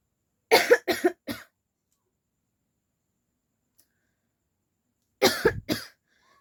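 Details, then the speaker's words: Voluntary cough in a coughing challenge, woman fake-coughing on purpose until it turns into real coughing and a sore throat: two bursts of three dry coughs separated by silence. "झूठ मूठ का खाते खाते ना मुझे Real में ना खासी आ जाती है और पहले वीडियो में भी यही हुआ था"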